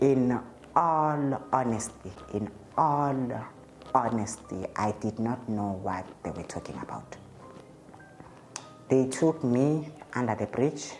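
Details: Adult man's real interview speech; he states he stutters, present since at least grade five (2005), when it caused low self-esteem; he also reports an unspecified positive test and initially delaying medication; stuttering.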